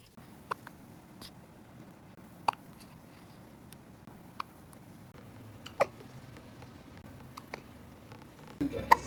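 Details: Newborn (0–2 months) with hiccups: soft, quick hiccups about 19 a minute at uneven intervals, in a quiet room.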